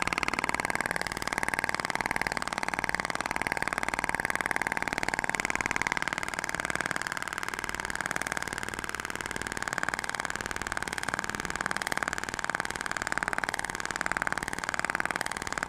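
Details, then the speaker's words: Fast, even train of buzzing clicks from a Thork shockwave device firing continuously during facial skin-quality treatment below the chin, with gel for gliding; 6,000 shots distributed over the face. "Ah então a distribuir seis mil disparos vejam como é rápido o tratamento né"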